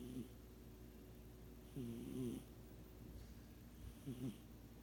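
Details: Soft, short snuffling snores and a few uneven breaths from a sleeping cat, over steady room hum; snoring.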